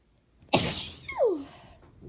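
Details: Woman's requested sneeze recording: a single forceful sneeze burst with a short falling voiced tail.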